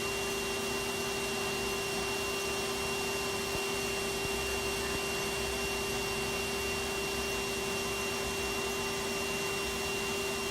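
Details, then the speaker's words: Aerolase microsecond Nd:YAG laser delivering energy under the skin without burning the surface, repeated facial passes in a 10–15 minute rosacea redness treatment: steady whirring hum with constant high tone. "so this is the a microsc yag laser the key point about this is It's delivering a lot of energy under the skin without you even noticing because it's not burning the surface"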